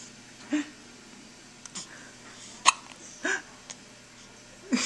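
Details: Several short, abrupt, sharp voiced catches at irregular intervals in a quiet room, typical of hiccups; recorded on a Flip Video camcorder.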